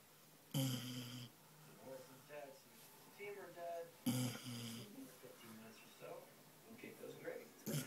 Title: Snoring 10month beagle